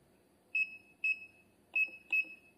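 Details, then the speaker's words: Four short, high keypad beeps as buttons are pressed to adjust numeric settings on an electronic infusion pump used for IV drip rates in children and newborns in intensive care. "فهيك بشكل عام أنا كيف بتحكم بالأعدادات، كيف بزيد كقيم رقمية مثلا."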